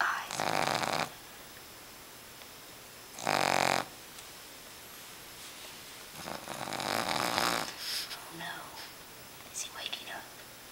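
Noisy snoring bursts with airy snorts and quieter gaps between breaths from a sleeping animal; irregular rhythm.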